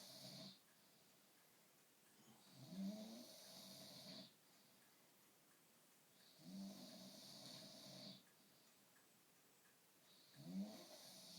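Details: Slow, rattling snores on each breath, about 16 a minute, with quiet pauses between, during sleep. Snoring.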